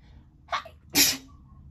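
A quick breath in, then one sharp, hissing sneeze with a brief squeak after it; a single sneeze.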